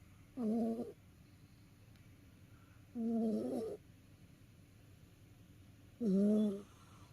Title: 遊び疲れた猫のいびき Snoring of a tired cat.